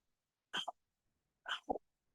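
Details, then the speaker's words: Demonstration of tubular (bronchial) breathing heard over consolidated lung: two short, harsh blowing breaths ending in an 'au'-like sound. "El ruido que se produce en las vias respiratorias altas se transmite y genera un soplo que se llama soplo tubárico el soplo tubárico tiene una onomatopea en Au"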